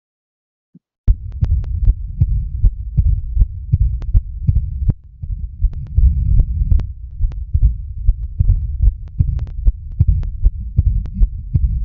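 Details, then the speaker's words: Digital stethoscope recording in a patient with right bundle branch block: a rapid heartbeat with a split second sound and a soft diastolic murmur of pulmonary regurgitation, heard better with headphones. "Y aquí tenemos una insuficiencia pulmonar. Este es el primer ruido, esta es la es el segundo ruido que está desdoblado, tenía bloqueo rama derecha y lo que tiene es el soplo diastólico."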